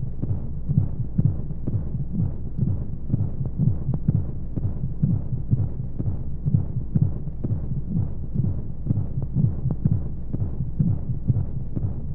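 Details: Womb-sound sleep aid for babies with white noise: muffled regular low heartbeat thumps at roughly 60 a minute over a steady whooshing background of monotonous flowing sounds.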